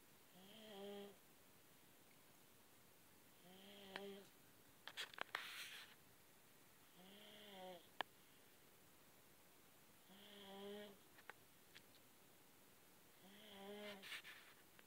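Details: Two-year-old snoring in sleep: slow, regular snores with a whistling, musical tone, about 19 a minute, with quiet pauses between; ordinary snoring.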